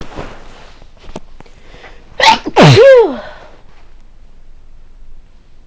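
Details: Person repeatedly sneezing on waking in the morning, unsure if pollen is the cause after a day of rain: a single loud sneeze with a sharp intake and explosive burst, then quiet breathing.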